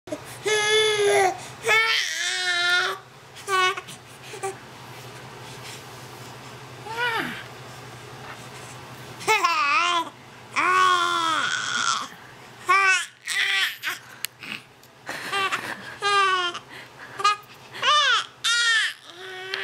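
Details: Infant aged 3 months 3 weeks during tummy time, fussing and crying in short bursts, with babbling and quieter gaps between cries in a small room.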